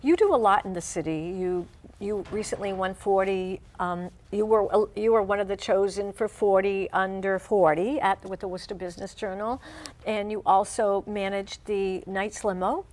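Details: Adult woman, interviewer; Normal speech.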